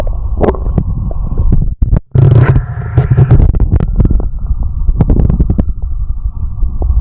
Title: the sound heartbeat and stomach growling